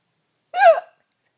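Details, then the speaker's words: Woman who gets hiccups about once a year, very loud: a single loud, abrupt voiced hiccup with a sharp rising-falling squeak, in an otherwise silent recording. "so i occasionally get the hiccups and when i do now it's like once a year this is what they sound like and they're observing"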